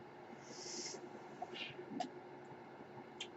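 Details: Podcaster's own ventilator during speech recording: soft rushes of air over a steady low hum in the background; mechanical ventilator.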